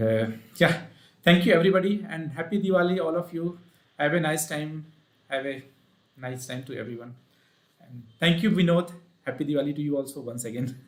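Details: Adult male speaker; ordinary speech.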